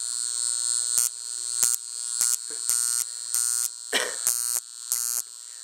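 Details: High-pitched electrical buzz in on-off bursts with crackling: a Lift Wand portable high-frequency facial wand (argon gas glass electrode) running on its high setting.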